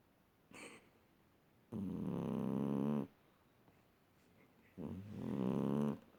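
Two long, vibrating breaths about three seconds apart, each a rattling snore on the intake. Ordinary snoring in a sleeping cat.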